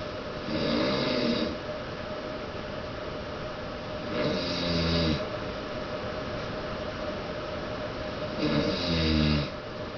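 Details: Three loud rattling snores on the in-breath, about 16 breaths a minute, separated by quiet breathing; ordinary snoring, though jokingly described as "snores from the behind."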